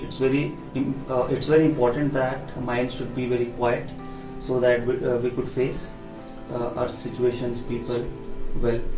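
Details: Adult male speaker; typical speech.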